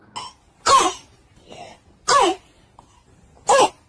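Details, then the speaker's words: Imitated barking cough, three harsh barks, described as a warning sign of acute laryngitis (croup) in children that needs urgent hospital care. "如果孩子出现了，小心可能会有，就孩子咳嗽期间出这种声音，可能会是急性喉炎。"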